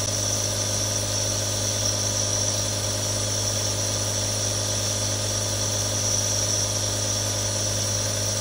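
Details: Real nebulizer, one of three recorded: steady mechanical drone with a low hum and hissing buzz, no breaks, running continuously.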